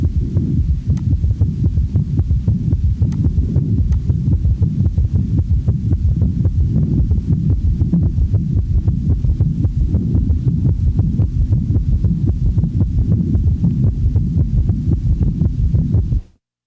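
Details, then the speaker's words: S3 gallop in congestive heart failure: rapid heart rate as an early compensatory mechanism, with a low-pitched extra third sound in early diastole after S2, giving the impression of three sounds each cycle. "the following example demonstrates an S3 in a patient manifesting congestive heart failure since the heart rate is rapid one of the first compensatory mechanisms of failure one has the impression that there are three sounds with each cardiac cycle"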